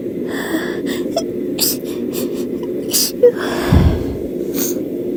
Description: I’m catching a cold I don’t think I’ve ever sneezed this much in my entire life 😭 I don’t tend to have very rapid fits but this cold is taking me out